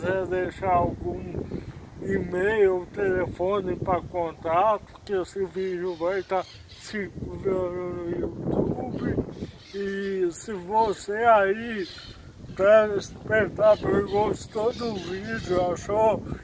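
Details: Adult speaker; normal speech.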